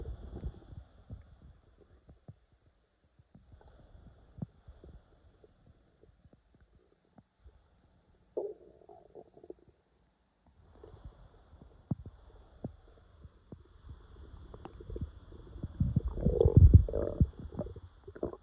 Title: Little bit of stomach growling